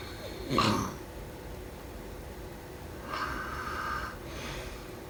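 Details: Two rough, rattling breath noises a few seconds apart in a quiet room, consistent with snoring during sleep.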